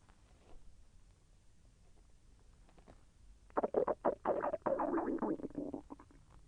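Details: Self-recorded stomach growling during digestion, with slight pain as the intestine moved: a quiet stretch, then about two seconds of bubbling, gurgling rumbles; active bowel sounds (borborygmi).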